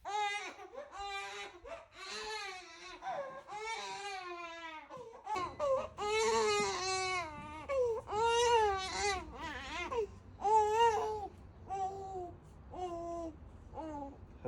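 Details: Young baby, about nine weeks old and sometimes gassy, gives repeated high-pitched rising and falling wails with short breaths between: ordinary infant crying.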